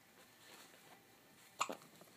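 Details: Newborn baby on her first day at home: a single soft, sudden gulping catch of breath in a quiet room; infant hiccup.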